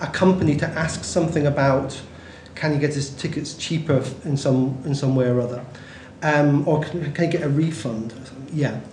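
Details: Adult male speaker, recorded phone call; Connected speech with word repetitions.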